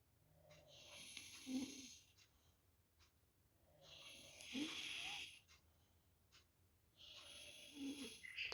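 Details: Snoring from a man sleeping late at night while sharing a sleeping space with a relative: loud, rough snores recurring about every three seconds in a quiet room.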